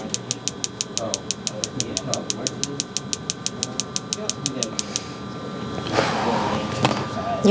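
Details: Focused shockwave therapy on a man's knee for chronic patellar tendinopathy near the end of a high-intensity session; rapid regular clicking pulses about three per second over room noise and faint talk, stopping partway.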